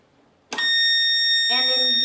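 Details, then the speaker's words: Steady high-pitched continuous alarm from a Panda infant warmer that keeps sounding until both the oxygen and medical air supply lines are plugged into the wall. "is for your medical air the machine will continue to alarm until both of them are plugged in"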